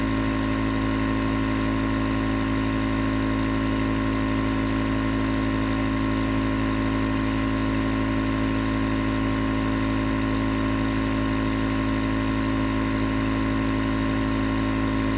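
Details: Continuous nebulizer compressor running, recorded as white noise for sleep: steady, unbroken mechanical hum and buzz with no pauses or changes.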